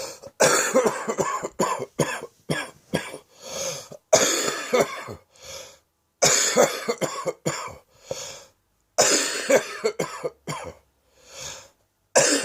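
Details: Adult with a cough now settled in the chest, after a good night's sleep: repeated bouts of deep, harsh coughing with short breaths between clusters.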